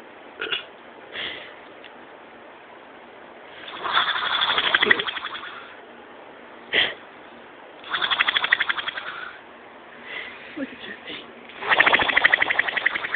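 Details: Adult man snoring: loud, rattling snores on the in-breath roughly every four seconds, with quieter breathing and small noises between them.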